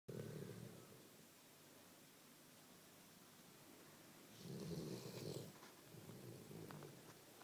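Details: Low, fluttering snores with each breath, separated by quiet pauses, in a quiet room from a sleeping Labrador dog; snoring.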